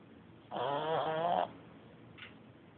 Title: frankie snoring